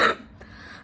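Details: A single short, harsh cough from an adult not yet fully recovered from illness, in winter, followed by quiet room sound.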